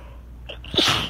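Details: Person feeling tickly on a stormy, rainy day: a short in-drawn breath, then a single sharp, hissing sneeze over steady rain background noise.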